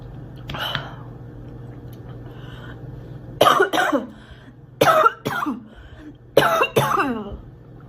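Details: Acted coughing by a girl: a faint throat sound, then three pairs of sharp cough bursts over about five seconds, with steady room hum.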